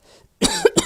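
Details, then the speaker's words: Woman coughing and waking George from sleep, in a room recording. "oh George was here he was asleep and I've just woken him up by coughing sorry George"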